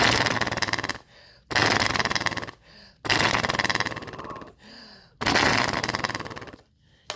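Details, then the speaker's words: Flutter valve (oscillating positive expiratory pressure device) used for breathing exercises while weaning off oxygen: deep breath, then four forceful exhalations, each a rapid rattling buzz, with quiet breaths between; resistance adjustable by twisting. "basically take your deep breath and then exhale it into the flutter valve. And this turns to make it more difficult."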